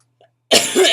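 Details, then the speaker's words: Single harsh, noisy cough burst from an adult woman with acute bronchitis and chronic illnesses, with asthma complications and taking prednisone; voice affected, feeling exhausted and achy; cough from acute bronchitis. "As you can probably tell, because my eyes are like barely open, you can hear my voice, you can hear my coughs, and my body feels like it's been beat with a baseball bat"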